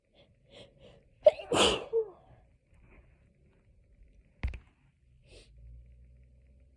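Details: Hay fever sneezing fit, edited loop: a sharp, forceful sneeze with a quick breath in beforehand, then a smaller burst, in a quiet room.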